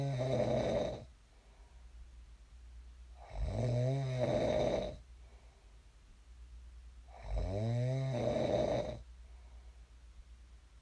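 Deep, rattling snores on each breath in, about 15 a minute, with quiet breathing out between: steady sleep snoring.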